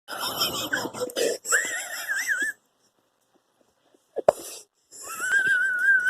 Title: Me wheezing like an idiot for 50 seconds